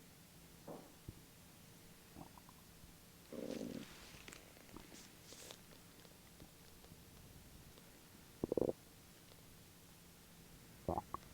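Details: Stethoscope recording of the abdomen in a simulated ASMR exam of an adult with two weeks of intermittent left-sided abdominal pain: quiet, with several brief gurgles; normal bowel sounds heard in all four quadrants.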